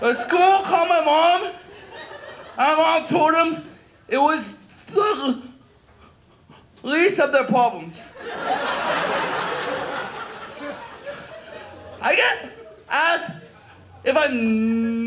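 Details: Adult male comedian performing stand-up who says he has a stutter and does not stutter when he whispers; stuttering.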